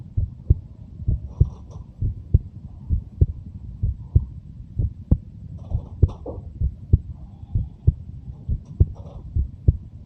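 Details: Steady low thumping heartbeat at about 64 beats a minute from a 23-year-old, with faint rustling in the background: normal heart sounds.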